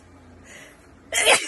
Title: Wide Nose Sneezes Philippines.